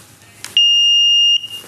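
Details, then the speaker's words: AED power-on during a how-to-use demonstration with a training unit: a click, then a steady high-pitched tone lasting under a second after pressing the on button. "regardless of which brand of AED is used the only knowledge required to operate it is this to press the on"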